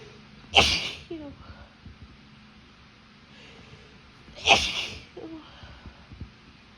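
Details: Adult woman who forgot her allergy medication during high tree and grass pollen, with itchy eyes, throat and nose: two sharp explosive sneezes about four seconds apart, each with a quick inward breath before; allergic sneezing.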